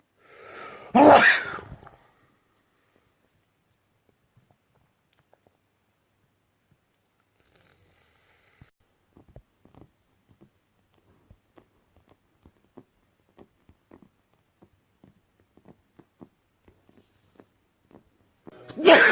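A single loud, explosive sneeze, then quiet with faint clicks and rustling, and the start of another sneeze at the end.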